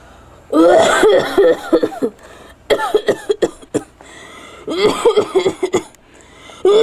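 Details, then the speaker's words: Acted, simulated bouts of harsh, repeated coughing in quick runs, imitating a smoker with lung disease over 20 seconds, in an anti-tobacco piece: chronic cough (acted). "20 seconds feels like an eternity to a smoker with lung disease"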